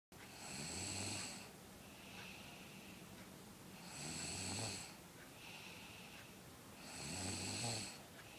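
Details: Regular rasping snores roughly every three seconds, with softer whistling breaths out in between, about 20 breaths a minute; ordinary snoring.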